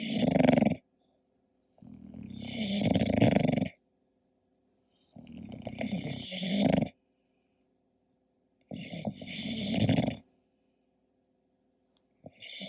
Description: hii, it's Koda, my english bulldog sleeping and snoring, this relaxing video and sound is for everyone and obv for bulldog lovers! Enjoy and follow us, xoxo